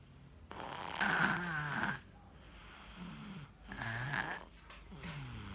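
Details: Sleeping baby girl snoring like an adult: rhythmic, rattling snores on each in-breath; harmless snoring.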